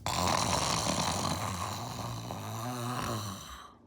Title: I’m pretending to snore to see my cats reaction #cat #tuxedocat #catlover